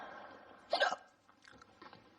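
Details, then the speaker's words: Adult with habitually loud hiccups accompanied by a head jolt: a single abrupt, sharp hiccup over a quiet background, then faint small noises. "Yeah, there's what's happened when I get hiccups. I'm sure it has to be that loud with a head jolt. It is, and it's so embarrassing."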